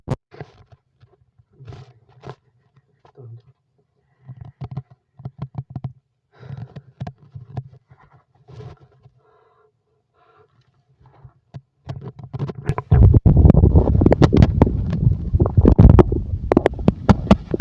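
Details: Stomach growling (borborygmi): bursts of low gurgling and rumbling that grow louder and continuous toward the end.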